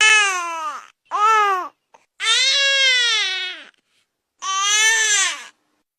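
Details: Young infant giving a rounded-mouth, drawn-out 'owh' cry in four bursts; Dunstan baby language cry meaning sleepy.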